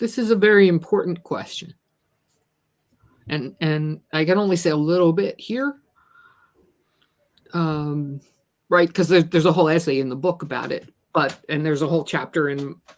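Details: Stuttering in an adult woman who describes herself as a person with a disability; repeated words are heard in this stretch of speech.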